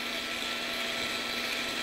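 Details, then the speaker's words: Steady high-pitched whining otologic drill with irrigation running during transmastoid labyrinthectomy, drilling parallel to the lateral semicircular canal in a patient with residual vestibular function after transtympanic gentamicin. "Okay, good. Water on, drill on. Water on. Keep hand on face. I'm coming right parallel to the lateral canal."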